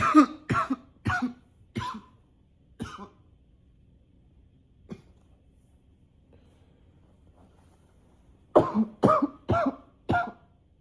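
Repeated short, dry coughs, about ten in two runs separated by a pause: persistent coughing.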